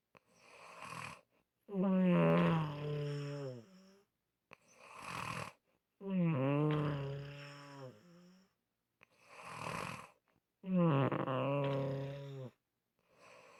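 Loud, regular snoring, about 14 breaths a minute. Each breath in ends in a voiced, moaning, rattling snore, with a softer airy breath out between.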